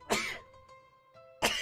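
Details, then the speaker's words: Adult sneezing big sneezes during a live stream, attributed to dust from moving a couch rather than illness. "Big old sneezes. I [Music] apologize. Oh, I'm not sick. I just moved a couch, so it's really dusty in here."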